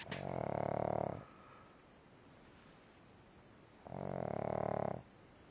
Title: Pug snoring